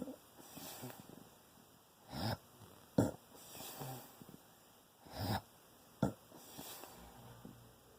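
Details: Loud, wet, gurgling snores and snorts during sleep, about 20 per minute, sounding like drowning, with a steady room hum; snoring.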